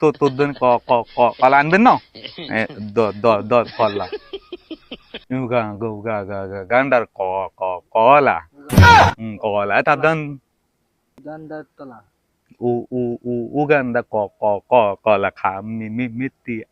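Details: Adult speakers in comedy sketch; stuttering (acted).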